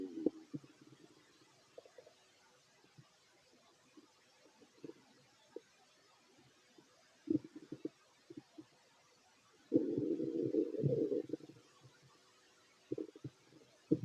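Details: Fit adult male's stomach growling while eating: low gurgles and bubbling pops with a longer rumbling gurgle midway; normal borborygmi.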